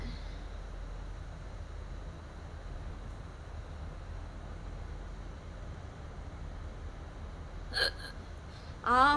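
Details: Korean girl hiccuping during a stream: a short voiced hiccup then a louder vocal sound over room hum. Hiccups.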